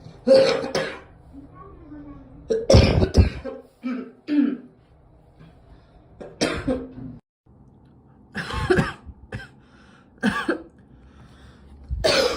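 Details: Girl coughing: a series of short coughs and throat clears, about seven bursts, in a quiet room.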